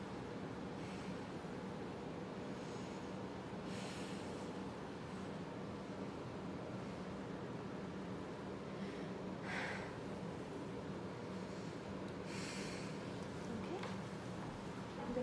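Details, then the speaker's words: Stethoscope on the chest of a healthy adult during a student nurse's assessment: soft, quiet, regular breaths over a steady room hum, and the lung sounds are judged clear: normal breathing. "okay lung sounds were clear"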